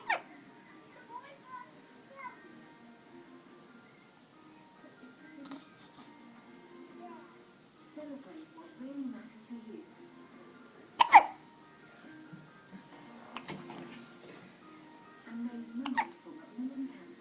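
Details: Male with a few sudden, sharp voiced hiccup gulps over soft background music and talk: hiccups.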